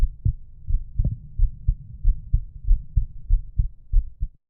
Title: Resting Heartbeat and Breathing Sounds